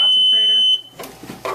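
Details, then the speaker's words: A single steady high electronic beep at switch-on, then brief talking; start-up alarm of an oxygen concentrator in a home fill tank-filling setup. "one of the things about the home fill system is when you when you turn on the concentrator"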